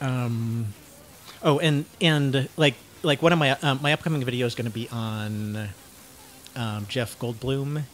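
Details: 49-year-old man diagnosed with cluttering, self-described syntactic subtype; cluttering.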